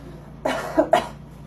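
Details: Adult patient coughs on request during a speech-language pathologist's bedside swallow evaluation, as part of a voice quality check: two sharp, strong cough bursts with crisp onset and clean end, a normal voluntary cough.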